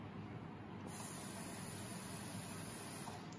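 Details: Draeger anesthesia workstation during preparation and leak/self-check: steady rushing gas hiss as the oxygen flush fills the breathing circuit; an expected normal sound.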